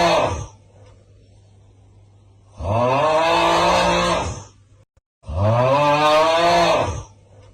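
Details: Two long, loud, harsh snores with rough pitched vibration, about 22 a minute, separated by quiet pauses; loud snoring during sleep.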